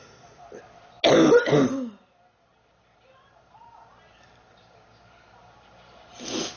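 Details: Girl sick for about 3 weeks, feeling hot and unwell: a quick burst of two or three harsh, wet-sounding coughs, then quiet, then another cough beginning.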